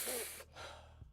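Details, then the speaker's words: A single sharp, noisy, imitated gasping breath illustrating agonal breathing (not life-sustaining, about 5 a minute). "So he's unconscious. You hear the snoring. Let's go back just a little bit. You're going to hear the snoring. That is agonal respirations, basically. And what that is going to be a not life-sustaining breathing pattern."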